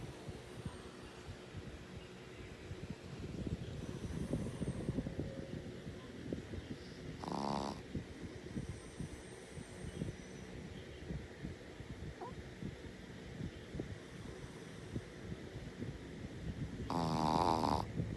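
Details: Shih Tzu dog snoring: soft, fluttering, rattly breathing with a few louder snorting snores over steady room noise.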